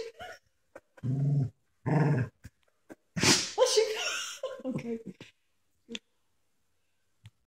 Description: Buddy sneezes when growling when we are playing with him.